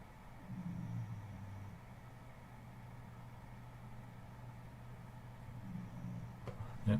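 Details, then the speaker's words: Dog sleeping on a dog cam gives two low, rumbling snores separated by a quiet gap with steady room hum; ordinary snoring. "we do have a snoring doggy let's have some dog cam there she is let's listen"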